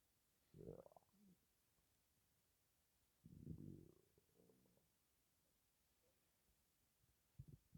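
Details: Stomach rumbling while breathing in and out, with the stomach empty except for gas and air and possibly due to hunger: soft, low gurgling bowel sounds (borborygmi) in a few bursts.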